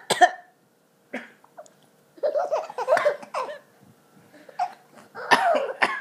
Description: When Papa is coughing, is laughing